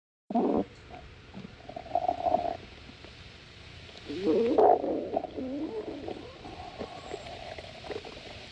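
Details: Audible stomach growling. Borborygmi.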